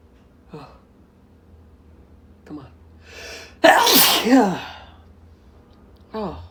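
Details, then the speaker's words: A few short catching breaths, then one loud, forceful sneeze with a trailing voiced release from a man deliberately inducing sneezes by stimulating both nostrils; a sneeze. "oh doing it both is so much worse oh god oh here i'm gonna sneeze thank you"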